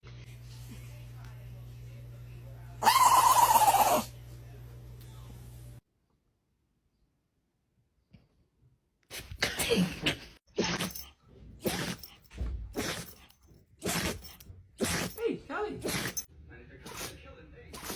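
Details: Dog sneezing: a single loud, sharp sneeze burst followed by a rapid series of short snorting or sneezing puffs over steady room hum.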